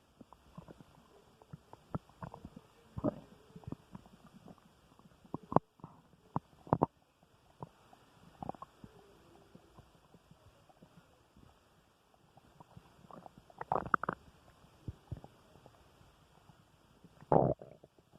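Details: An adult man's stomach recorded after dinner: irregular gurgles, clicks and rumbling bursts, ordinary bowel sounds of digestion (borborygmi, stomach growling).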